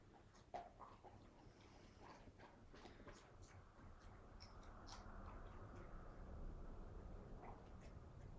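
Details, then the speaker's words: Soft, irregular gurgles and clicks over a low rumble, heard during a nurse practitioner student's abdominal exam with the patient's knees up; normal bowel sounds. "I'm just going to take a listen we should be hearing normal bowel sounds are five to Thirty a minute"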